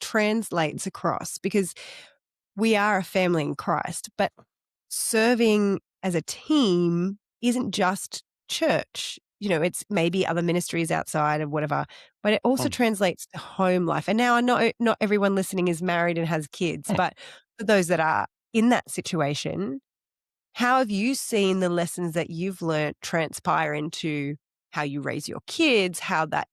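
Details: Adult woman speaking; normal speech.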